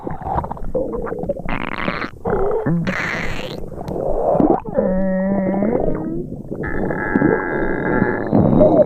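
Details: Simulated stereo sound effect of an upset stomach: gurgles and groaning tones. Stomach rumbling.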